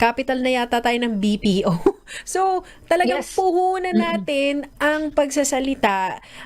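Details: Adult woman speaking; Normal voice.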